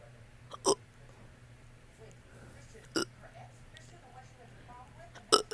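Three abrupt, spaced throaty bursts over a low background hum, heard as hiccup-like burps.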